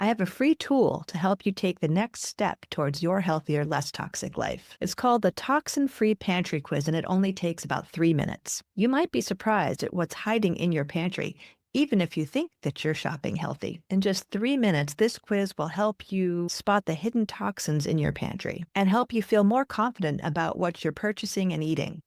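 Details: Adult woman; typical speech.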